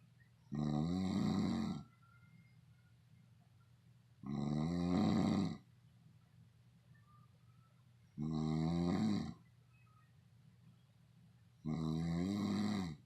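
Loud rattling snores on each breath, about 16 a minute, with quiet pauses between; ordinary snoring.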